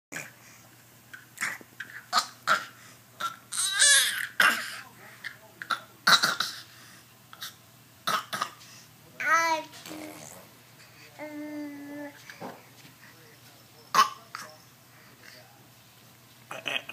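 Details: Young child makes short, deliberate fake coughs between babbling and playful vocal sounds, imitating the cough of his sick father.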